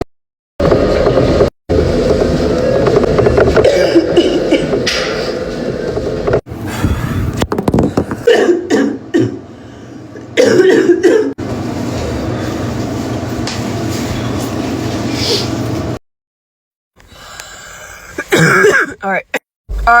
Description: This young lady has a sexy asthmatic barking cough from trying to exercise without an inhaler.